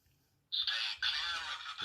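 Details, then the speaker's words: First aid training AED demonstration: rising high electronic whine of the defibrillator charging after a shock is advised, before the stand-clear prompt. "because officer the hearts not be number units charger"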